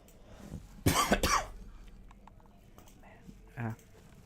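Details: Cough during gaming livestream: two quick harsh dry coughs then a smaller throat-clearing cough, faint keyboard clicks in background.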